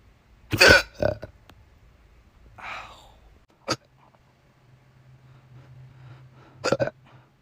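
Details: Person with recurring episodes about once a week, saying it hurts and won't stop; about four abrupt throat sounds, some hiccup-like and some burp-like, with quiet gaps; hiccups mixed with burping.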